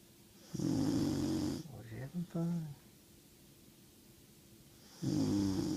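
Two loud, rattling snore breaths about four seconds apart, with softer breathing noises between them, from a sleeping dog.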